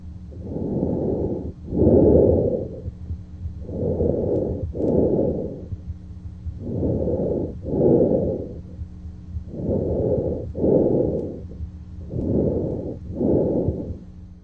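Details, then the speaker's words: Normal tracheal breath sounds heard over the trachea in the neck with the stethoscope diaphragm during a pulmonary exam demonstration. Very loud, harsh, hollow sounds at about 21 breaths a minute, with inspiration equal in length to expiration. "tracheal breath sounds are best heard over the trachea in the neck they're very loud and harsh and inspiration equals"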